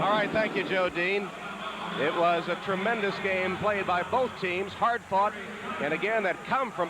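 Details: Adult male sports broadcaster; Normal speech.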